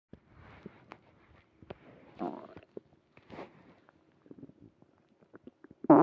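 Gurgling, bubbling stomach growls with scattered clicks and a louder gurgle near the end.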